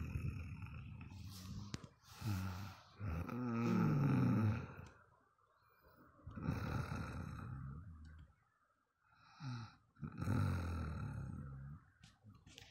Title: Suara Ngorok Tersadis 🙉